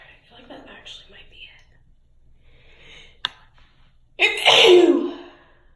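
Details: Soft whispering, a brief sharp click, then one loud explosive sneeze.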